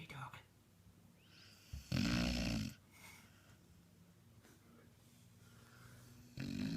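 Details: Sleeping beagle snoring: a loud, rough snoring breath between quiet stretches of soft breathing, with a faint room hum behind; snoring.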